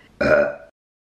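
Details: Woman burping: a single short, loud voiced burp lasting about half a second.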